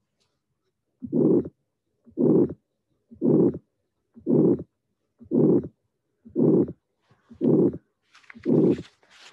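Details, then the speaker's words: Pulmonic stenosis in a teaching recording: first heart sound followed by a strong systolic murmur peaking relatively in mid-systole, the less severe of two pulmonic stenosis examples. "So what I want to emphasize is this, in this case, because the next one will be a little different, we have a first sound and a murmur that is strong, but relatively located in the middle of systole as the maximum entity."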